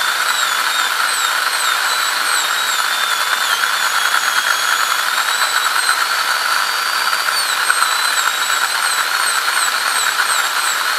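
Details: ADC practical exam demo of an FGC preparation on tooth 36: a steady high-pitched whine of a high-speed dental handpiece cutting, pitch wavering slightly under load.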